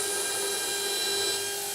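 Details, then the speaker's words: Continuous high-pitched whining motor with slight pitch shifts: a 1.2 mm implant drill with a 12 mm drill stop pumped up and down to full osteotomy depth in a model anterior mandible, for narrow-diameter overdenture implants. "using my drill stop as a guide pumping up and down until i've reached my full implant osteotomy depth"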